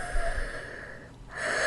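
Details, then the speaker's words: Wheezing: a brief noisy breath with a musical, whistling edge during rapid breathing, which is presented as the first and most common sign of pneumonia. "और viewers, rapid breathing ही pneumonia की पहली और common तरीन अलामत है, और सांस लेते हुए व्हीजिंग नॉइस प्रोड्यूस होना, जो कि आपको सुनाई दे रही है।"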